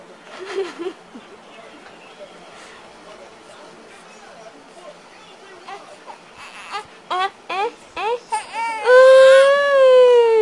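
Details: Soft whimpers build into short sobbing cries, then a long sustained wail from a baby girl while an adult talks to her: upset infant crying.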